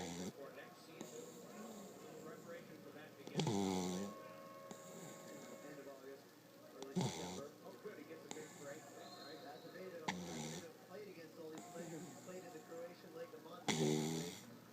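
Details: Puggle dog snoring during sleep: rough fluttering snores about every three to four seconds, around 17 per minute, with background talk.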